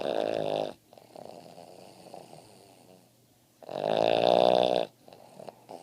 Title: Boston Terrier snoring soundly